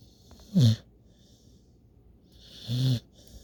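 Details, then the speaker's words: Two loud, low, buzzing snores with a quiet pause between from a sleeping female puppy after a day of play, snoring so intently her leg raises and ears wiggle; ordinary snoring. "She snores so intently that her leg raises up and her ears wiggle."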